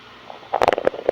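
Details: Stomach rumbling (borborygmi) in a person after fasting for 30 hours.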